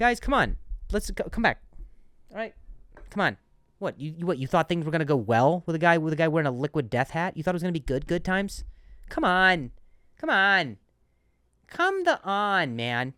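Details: Adult man who stutters, who notes switching words after stuttering on one; word repetitions; stuttering.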